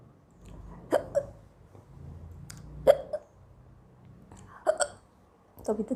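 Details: Girl with hiccups for a long time: repeated short hiccups, each a sudden catch with a brief voiced yelp, about every two seconds, over quiet room hum.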